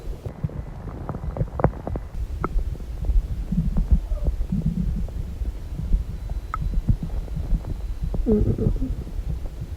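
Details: Abdomen: low rumbling and gurgling with scattered clicks and a few bubbly churning bursts; ordinary bowel sounds (borborygmi).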